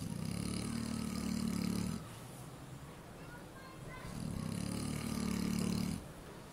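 Two long, deep, rumbling snores with quieter out-breaths between, about 15 breaths a minute: a pig snoring in sleep.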